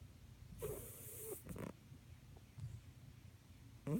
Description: Yeah just my cat snoring.